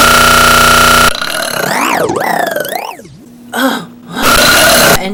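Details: Girl burping in an edited YouTube Poop remix with music: long, loud belching sounds with a wavering, pitch-bent tone.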